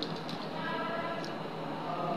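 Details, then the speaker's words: Adult man who had larynx surgery 10 years ago, which he attributes to smoking, holds an electrolarynx against his throat to produce voice; a steady mechanical buzzing tone; electrolarynx buzz. "এই ভদ্রলোকের সামনে যে মেশিনটা আছে, এই মেশিনটা উনি ওনার থ্রটের মধ্যে ধরবেন, ধরে এখানে ভাইব্রেশন হবে। সেই ভাইব্রেশনের মাধ্যমে উনি ওনার ভয়েসটাকে প্রডিউস করবে, আমার সাথে কথা বলবেন।"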